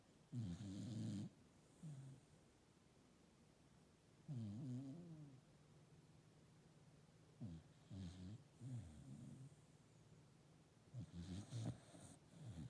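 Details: Sleeping sheep snoring: rough, rattling snores recur at slow, uneven intervals with quiet pauses between, about 17 a minute.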